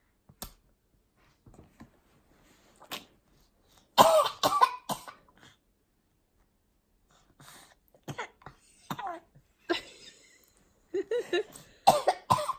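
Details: Baby boy deliberately fake coughing: short, light coughs and throat-clearing sounds scattered between quiet stretches; voluntary imitated cough.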